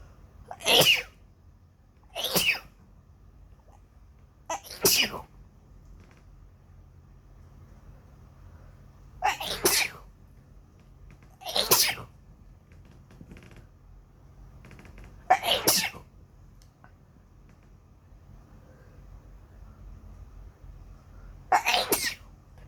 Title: Ah.. My nose (Wanna sneeze so bad)